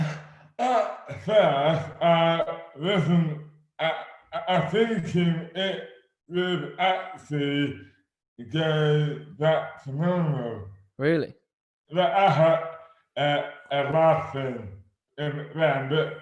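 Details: Adult man with dystonia, a rare neurological disorder; severely slurred speech began suddenly overnight in 2008 without warning, speech dramatically impaired, hands also affected; dysarthria from oromandibular dystonia.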